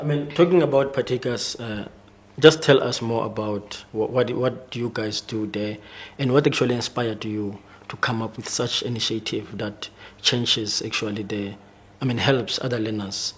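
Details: Adult male speaker; normal speech.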